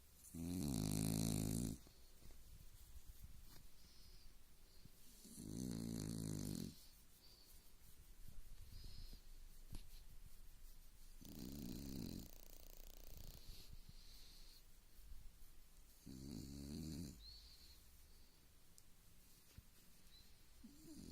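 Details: Sleeping dog snoring: slow, regular snores about every five seconds, roughly twelve breaths a minute, with quiet breathing between them; snoring.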